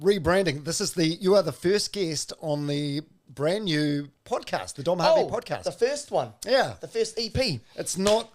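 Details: Adult man; Normal fluent speech.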